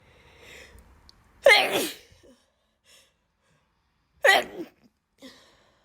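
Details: Person with bad allergies: two forceful sneezes a few seconds apart, each preceded by a quick inward breath.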